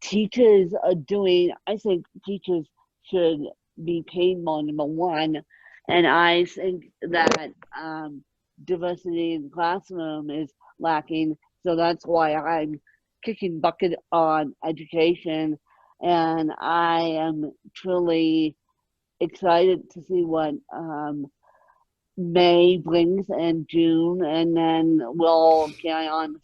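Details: Adult woman born with moderate ataxic cerebral palsy, mid-spectrum, caused by lack of oxygen at birth, needing 24-hour care; ataxic dysarthria (cerebral palsy).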